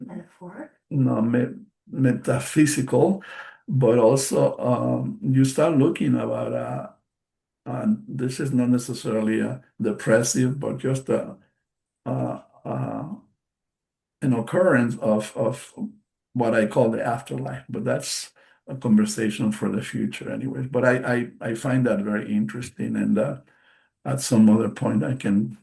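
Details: Adult male stroke survivor with post-stroke aphasia, non-native English speaker giving a presentation, with audible word repetitions and self-corrections; finding: aphasia.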